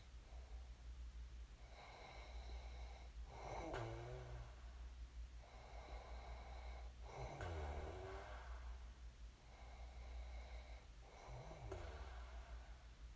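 Repeated soft snorting breaths with a fluttering catch, over a low room hum: snoring.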